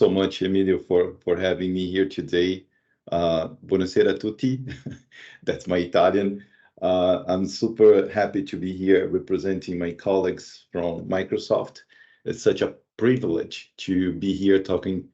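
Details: Adult male speaker; normal speech.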